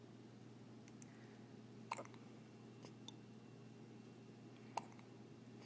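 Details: Newborn baby with hiccups: two soft, sudden hiccup clicks about three seconds apart over a low room hum.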